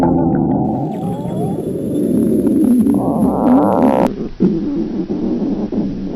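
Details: Girls reading in a library on an empty stomach, microphone placed near the stomach: loud, continuous gurgling and rumbling with squeaky rising tones; hunger stomach growling (borborygmi).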